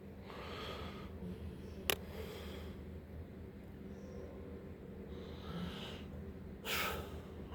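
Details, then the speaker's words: Pit Bull dog snoring while asleep. "hopefully hopefully you can hear my pitball snoring spoiled rotten Pitbull"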